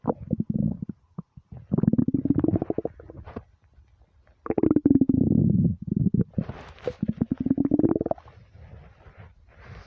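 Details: Hunger stomach rumbles when starving: loud, long gurgling and growling bowel rumbles in several bursts, a normal sign of an empty stomach; borborygmi.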